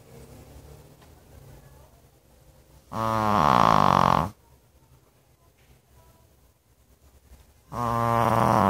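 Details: Two loud, buzzing, vibrating snores separated by a quiet pause of several seconds from a sleeping dog.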